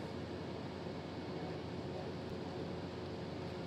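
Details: Steady dense buzzing hum of an excimer laser ablating a woman's cornea during real PRK (photorefractive keratectomy) laser vision correction, done to free her from glasses.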